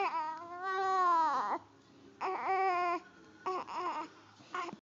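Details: Infant with hiccups crying: four drawn-out wailing cries separated by brief pauses, with faint background music.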